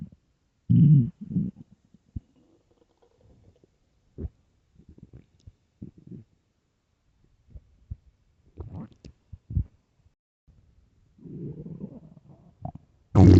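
Irregular low gurgles, rumbles and squeaks from the abdomen: normal bowel sounds of gas and fluid moving through an empty gut.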